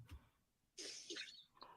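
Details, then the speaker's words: Dog coughing in the background during a call: a few harsh, breathy bursts, a short run of dry hacking coughs. "oh no there goes my dog my doging can can you hear my dog coughing yes guys it's terrible"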